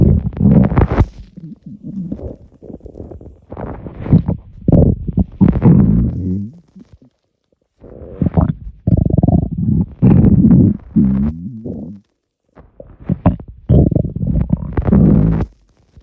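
Loud low gurgling and rumbling in irregular bursts with brief pauses; stomach rumbles after swallowing air, a normal finding.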